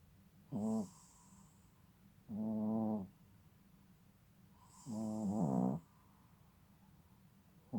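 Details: Three buzzing, vibrating snores on breathing in, about two seconds apart, from a sleeping young male pet nearly 6 months old, in a quiet room; snoring.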